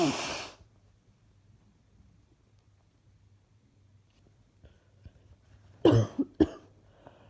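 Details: Three coughs in a quiet room from a person feeling unwell who wants the cough gone: one strong cough, a pause, then two shorter coughs close together.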